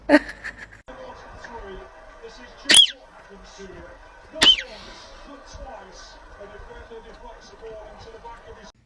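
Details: Two short, sharp infant sneezes a couple of seconds apart, faint room noise between; baby sneezing.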